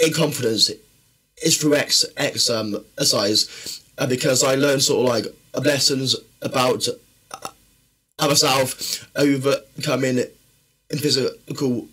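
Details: Man who has stammered since childhood, which he says worsens when tired, stressed or nervous; stuttering.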